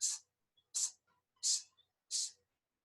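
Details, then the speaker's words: Lecturer's voiced imitation of aortic stenosis: four short, harsh hissing bursts mimicking a short ejection systolic murmur heard in the aortic area radiating to the carotids; aortic stenosis murmur (vocal imitation). "aotic stenosis is a ejection or a short systolic murmur in the aotic area radiating to the kerotin."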